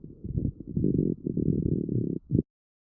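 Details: Lung auscultation recorded with a StethoMe electronic stethoscope and classified by AI: low, bubbling coarse crackles in short bursts, characteristic of bronchitis or pneumonia.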